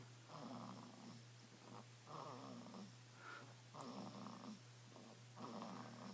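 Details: Snoring recorded on a phone: rhythmic rasping snores, about 36 a minute, over a steady electrical hum; snoring.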